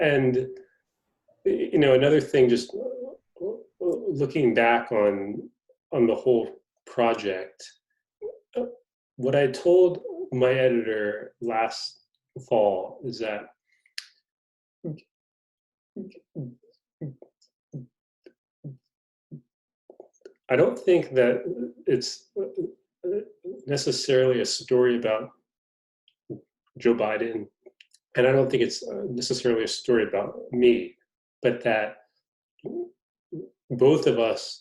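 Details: Adult male reporter who is a person who stutters, noted to have a pronounced stutter; stuttering.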